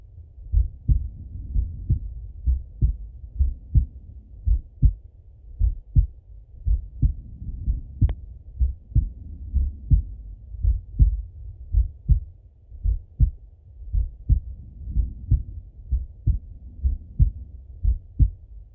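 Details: Male heartbeat by stethoscope during full heart auscultation, recorded either sitting at a desk or lying in bed: regular calm lub-dub at about 55 beats a minute, clean between beats; normal heart sounds.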